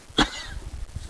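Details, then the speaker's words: Mare, described as a frequent cougher with dust allergies, at a farm: one sudden, harsh cough with a brief raspy tail and faint outdoor background noise; she also passes wind around the cough. "She's a bit of a cougher, isn't it? Hay out. She gets dust allergies, so..."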